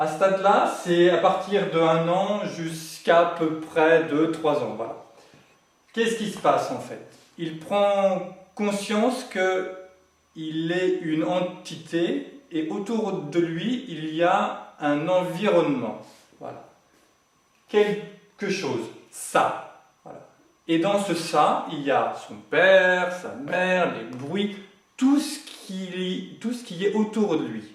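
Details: Adult male who has lived with stuttering for 20 to 40 years since growing up and says he is now managing to speak through it; stuttering.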